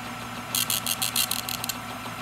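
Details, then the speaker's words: Built-in printer of an OSM100100 freezing point osmometer printing single-test osmolality results onto a sheet: short bursts of high buzzing over a steady hum. "you have the option to save into the system and also to print out the results onto this sheet here d"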